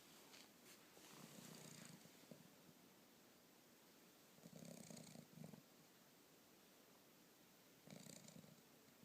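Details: Foster dog asleep on its back with all four paws up, tired after running at the park: three low, buzzy snoring bursts about three seconds apart with quiet breathing between them.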